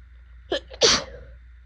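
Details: Person with severe pollen allergies, swollen eyes and burning throat: a quick inward catch, then one loud, wet, explosive allergic sneeze.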